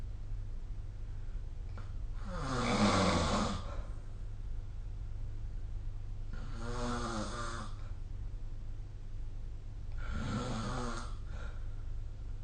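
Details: Snoring during sleep recorded with the SnoreLab phone app; three rough, fluttering breath sounds about four seconds apart, roughly 15 breaths a minute, over steady room hum.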